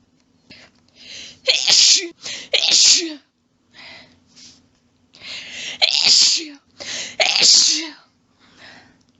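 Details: Rapid clusters of forceful, back-to-back sneezes with short gasping in-breaths, from a female in a long sneezing fit of rapid quadruples, with some coughing from lost breath.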